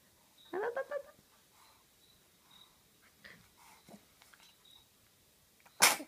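A small dog gives one sharp sneeze near the end, with soft sniffing and snuffling before it. An ordinary sneeze.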